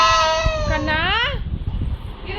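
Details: A young child wails with a long, high-pitched cry that rises, then breaks off into quieter sobbing while an adult soothes in Tamil, promising an older sister will bring a dress.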